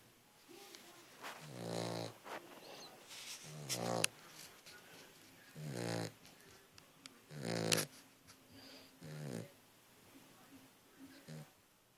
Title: Roxy the snoring Cavalier puppy